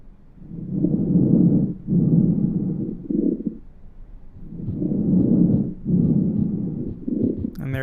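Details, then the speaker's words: Simulated lung sounds in a VR practice sim: breathing at about 16 breaths a minute with low-pitched, wet, bubbling coarse crackles from fluid or secretions in the larger airways, clearest near the end. "Coarse crackles are low- pitched, wet, bubbling sounds that occur when air passes through fluid or secretions in the larger airways."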